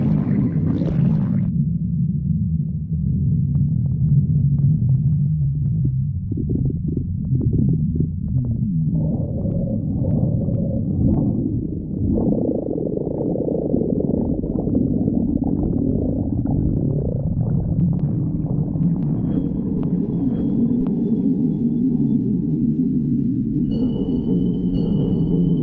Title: stomach growling 9